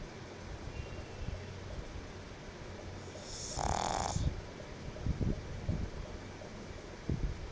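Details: Female pet pug sleeping: a single rasping snore above steady room noise, with soft low snuffling breaths around it.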